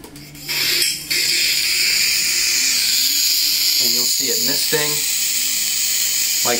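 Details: Steady high-pitched hiss of gas through a pediatric nebulizer misting albuterol, run from an oxygen line at 6 L, with brief voices over it, in a demonstration.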